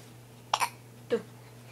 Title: Home from work to a baby with hiccups